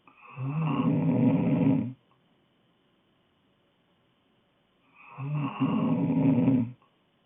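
Two long, loud, rattling snores on breaths in, about five seconds apart, with silence between: snoring during sleep.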